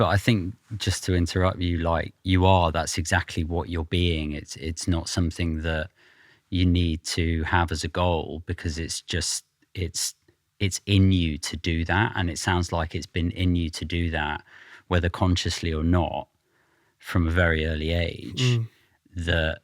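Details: Adult man; normal speech.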